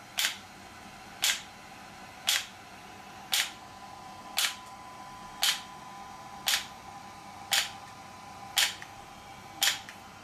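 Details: An extracorporeal shock wave therapy (ESWT) device used for muscle and bone pain relief, with the patient's feet placed on a support: sharp, regular clicking pulses at about 57 a minute over a faint steady hum.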